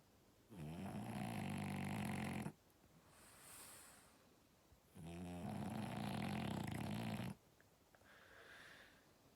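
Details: Two long, loud, buzzing snores on the in-breath, about two seconds each, with soft airy out-breaths between, from a sleeping French Bulldog puppy in a quiet room; snoring.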